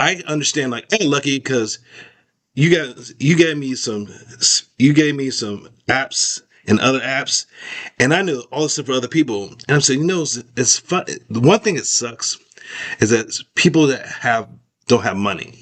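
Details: Adult male stroke survivor (stroke in 2022) with post-stroke aphasia, severe expressive difficulty early on and trouble with dates and numbers, improved through speech therapy; word-finding trouble and broken sentences. Finding: expressive aphasia.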